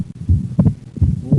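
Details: Heart sounds with patient breathing in and out on command; split second heart sound due to right bundle branch block.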